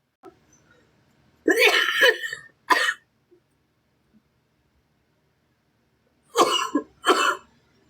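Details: A sick girl coughing on a TikTok live stream: two groups of harsh, dry-sounding coughs, about five in all, separated by a quiet pause; cough.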